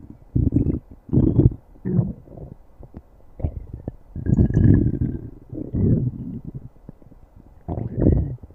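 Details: Low, gurgling rumbles in irregular bursts with brief gaps, typical of stomach growling (borborygmi).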